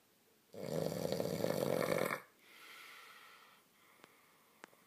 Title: Snoring: keep this guy off his back.